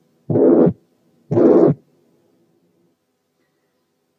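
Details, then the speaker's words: Tricuspid regurgitation heard over the tricuspid area, about 60 beats a minute: a blowing pansystolic murmur that increases with inspiration. Breath sounds were removed with filters. "تعالوا بقى نسمع pan systolic murmur of tricuspid incompetence مسموع على tricuspid area، ولاحظوا الزيادة مع الانسبيريشن صوت التنفس انا شلته عن طريق فلترز."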